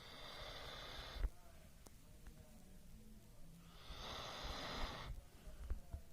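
Two rough, snorting snore breaths about four seconds apart, with low rumbling room noise between them.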